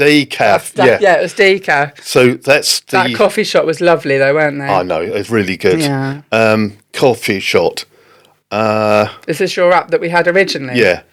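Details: Adult woman speaking conversationally; typical speech.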